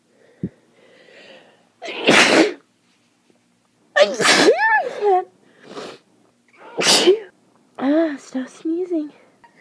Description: sneezing in the morning from the pollen, I hate the end of summer.